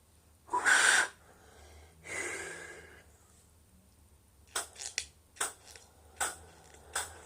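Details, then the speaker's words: Person taking an inhaler puff into the mouth and holding the breath for 10 seconds: a sharp hiss of the puff with a deep inward breath, a pause while the breath is held, then short puffs of breath. "mais juste vous demander 10 secondes parce que il faut que je prenne un coup de vent de ligne dans la bouche bon là c'est l'objet de retenir la déflation 10 secondes"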